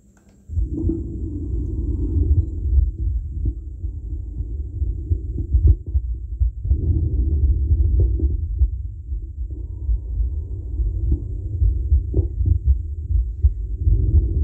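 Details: Normal breath sounds, the recording adult's own clear chest, recorded through a stethoscope with an audio recorder: soft, low rushing sounds, louder on breathing in and faint on breathing out.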